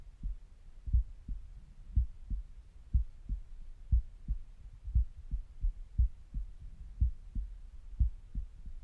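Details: Normal resting heartbeat at about 60 beats a minute, steady paired lub-dub sounds with soft gurgling stomach noises between beats, recorded with a stethoscope.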